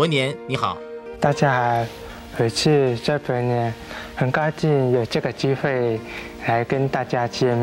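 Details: Hearing-impaired speaker, trained in spoken language from childhood and newly admitted to university; speech of a deaf or hearing-impaired speaker.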